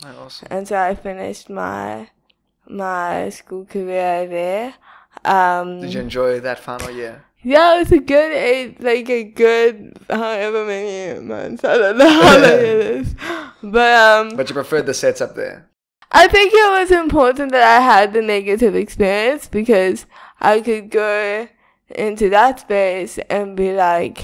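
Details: Young woman with cerebral palsy diagnosed at 11 months, speech not very clear; dysarthria (cerebral palsy).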